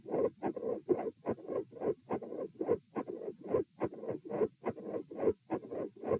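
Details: Heart auscultation during a stress test at position M, with sitting, standing and lying phases at 90, 108 and 72 bpm; split S2 with a midsystolic murmur and electrical disturbance.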